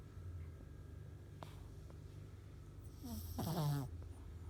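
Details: Sleeping pug with low rumbling breathing and a rattling, snorting snore near the end, described as snoring like a pig; snoring.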